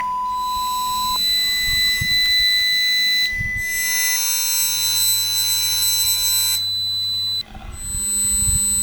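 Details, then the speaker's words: Pure-tone audiometry test tones from a hearing-test app: steady tones stepping upward from low to high frequency, tested for the left and the right ear, with faint room hum. The listener presses space when a tone is heard. "Misalnya suara yang tampil kedengaran tekan spasi. Kalau tidak jangan tekan spasi. Jadi frekuensinya dari kecil sampai besar."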